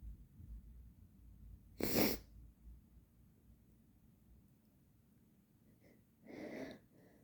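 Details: A loud, sharp sneeze then a softer second burst from an agender person with nasal congestion and bloody nasal scabs; sneezing.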